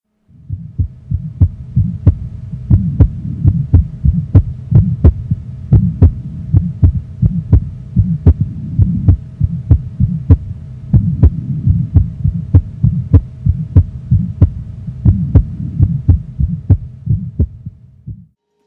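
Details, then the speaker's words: Still's murmur, an innocent physiologic murmur in a young child, best heard with the stethoscope bell: a quick, regular heartbeat with a soft, vibratory, low-to-medium-pitched mid-systolic crescendo-decrescendo murmur. "as you heard the murmur has a low to medium pitch is of low intensity occurs in mids and has a crescendo de Crescendo configuration"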